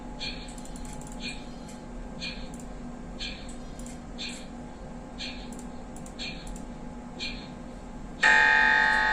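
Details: MRI scanner running: rapid, regular knocking and beeping pulses over a steady low hum, then a loud, high buzzing tone.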